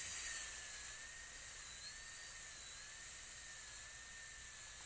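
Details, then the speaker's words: High-speed dental drill with burr held vertical cutting down the corner of a class II cavity preparation on a mannequin tooth, continuous high-pitched whine with slight pitch dips, during hands-on restorative training. "Then, again, with the burr vertical, we come down the corner."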